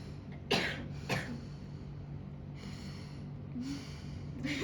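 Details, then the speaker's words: Young child during chest physiotherapy, guided to breathe out through the mouth three times then cough to clear sputum: two short, soft coughs followed by slow breaths out through the mouth. "Udah di yang ketiga nanti batukin ya. Masih batukin."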